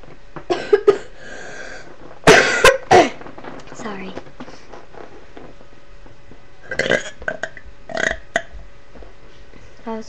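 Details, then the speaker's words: A few loud, rough, voiced belches made on purpose between brief spoken remarks: deliberate burping. "Hey guys, it's here and I'm going to be doing some more um burps for you. So, enjoy them. All right, that one's okay. So, I'll say it was pretty good."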